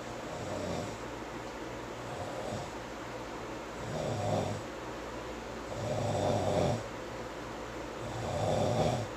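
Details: Person snoring and talking in sleep; rhythmic rattling snores on each in-breath, about 27 a minute, over steady room noise; snoring.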